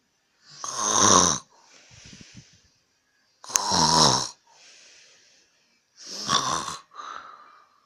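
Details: Adult man snoring at 10:35 pm: three loud, rough snores on breathing in, each followed by a softer breath out, about 20 breaths a minute; heavy snoring.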